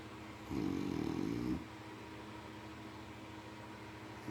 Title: My grandma is a snoring pig🐽🐷🐖